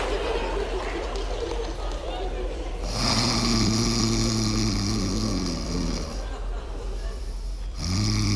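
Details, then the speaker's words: Loud, drawn-out rumbling snore with raspy throat vibration over room noise, acted for comedy as a mother-in-law snoring at night in a sketch; snoring, not real. "откуда эти звуки по ночам а я думал это трубы"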